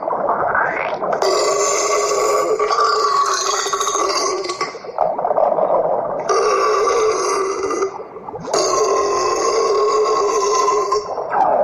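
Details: Three long, loud, rasping belches with a growling, drawn-out quality; forceful voluntary burping.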